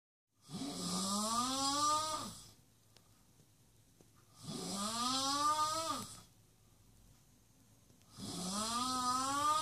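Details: Heavy snoring in a house guest: loud, rattling snores about 2 s long, repeating roughly every 3.5 s in a quiet room.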